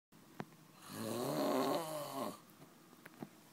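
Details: Adult man asleep in Las Vegas after 36 hours without sleep: a single long, loud, vibrating snore on the in-breath, with a few faint clicks around it; ordinary snoring.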